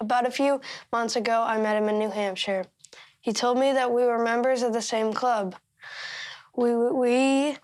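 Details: 13-year-old boy who stutters; stuttering.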